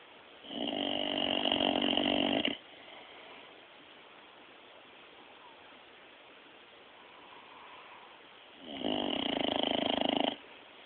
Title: dog snoring.3GP